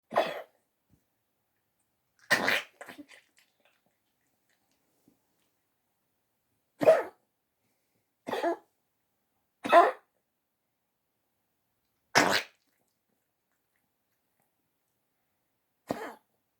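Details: Poodle with congestive heart failure coughing: about seven short, harsh, honking cough bursts at irregular intervals in a quiet room, a cough due to congestive heart failure.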